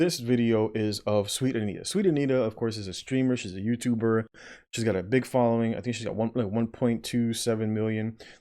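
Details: Adult male speaker; typical speech.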